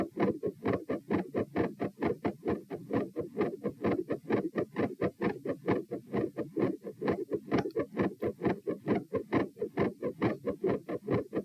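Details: Heart sounds recorded at position P while standing, at 132 bpm, reproducing feeling unwell and like dropping after 5–10 minutes standing; fast regular beats with crowded extra sounds, changing patterns, escalating loudness; tachycardia with third heart sound, fixed split S2 and murmur.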